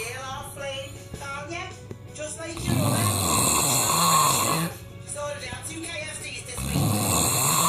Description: Funny loud snoring